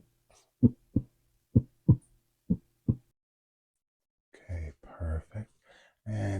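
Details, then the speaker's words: Simulated doctor roleplay (ASMR) stethoscope exam: three clear lub-dub pairs at about 65 a minute, then soft muffled sounds, heard on the chest during deep breathing; normal heart sounds, heart "in great working order." "Everything looks good with that there. So I don't think we have to worry about your breathing and your heart seems to be in great working order."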